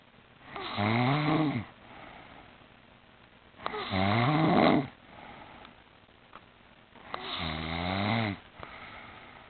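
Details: Woman sleeping in a chair, snoring that grew louder and louder: loud rasping snores on breathing in, about 18 a minute, with quiet breaths out between; snoring.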